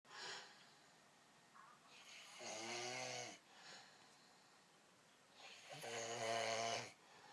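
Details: Two loud, rough, rattling inhaled snores about three seconds apart, separated by quieter breathing out; snoring.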